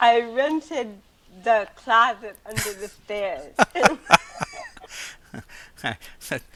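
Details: Adult woman with cerebral palsy since birth, also hearing impaired and wearing hearing aids; dysarthria associated with cerebral palsy.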